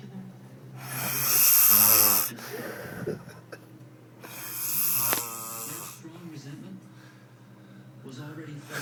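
Two loud, rough, rattling breath sounds about three seconds apart, with quieter breathing between them. Snoring.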